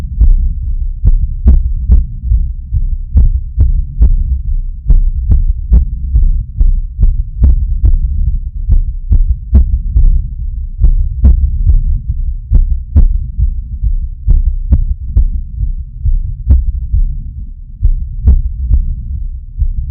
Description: Heavy breathing after climbing stairs to my apartment.